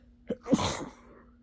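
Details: Tired, sleepy person sneezing: a quick inward catch, then one explosive, hissing sneeze; a nose blow follows at the end.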